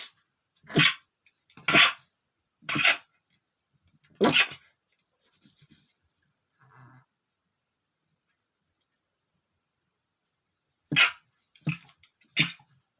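Several short, muffled, held-back sneezes in a quiet room: stifled sneezing.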